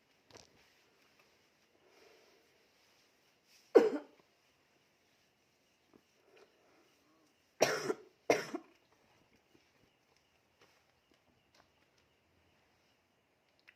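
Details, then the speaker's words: Night-time cough with shortness of breath, patient being massaged by mother to ease breathing: three coughs in a quiet room, one single then a close pair, with soft background movement and faint talk. "Malam-malam batuk. Ada seseknya. Kita pijat sama ibu untuk melonggarin pernafasan."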